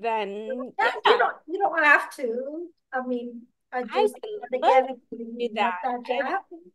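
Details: Podcast host with ataxia who reports doing extensive work on word pronunciation, type of ataxia not stated; ataxic dysarthria.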